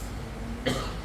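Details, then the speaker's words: Single brief cough from a speaker feeling unwell, with a hoarse voice from coughing, over a steady low room hum; a plain cough. "Suara saya agak sedikit terganggu karena batuk ya, dan memang kondisi kurang begitu fit Bapak Ibu Saudara."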